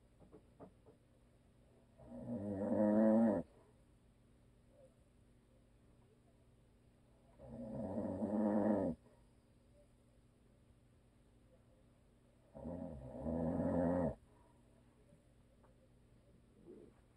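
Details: A husband who is a habitual snorer, asleep: three loud, rattling snores at about 11 a minute, each lasting over a second, with quiet pauses between.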